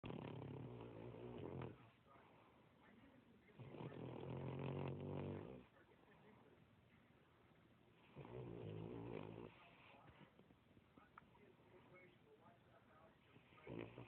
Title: Our pretty baby snoring away